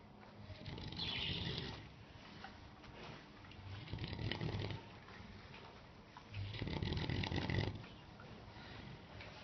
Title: Snoring piggy